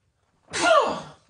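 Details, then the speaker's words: Adult streamer who says he cannot stop sneezing: a single sudden sneeze, a sharp burst of air with a short voiced tail. "god I cannot stop sneezing man"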